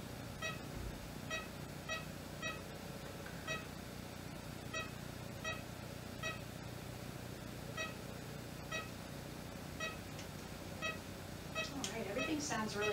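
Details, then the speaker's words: ECG monitor beeps at a nice slow rate in a calm female animal restrained by her owner: normal heart rate. "she's got a nice slow heart rate she's nice and calm this is her owner restraining her so that might be part of [Music] it so normal heart rate on"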